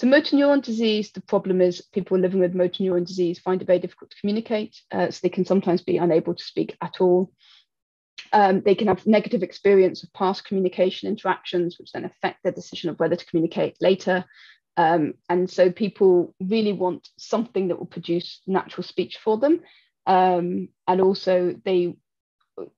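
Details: Adult woman speaking; typical speech.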